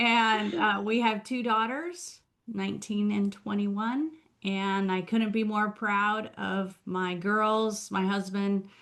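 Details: Adult woman speaking; Normal adult speech.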